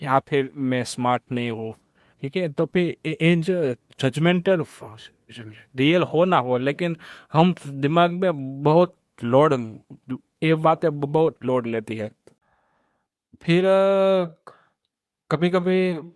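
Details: Male speaker who says he stammers; stuttering.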